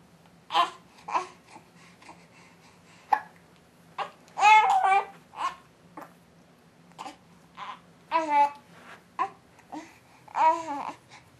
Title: 4 Month Hiccups and Babbles(1/2)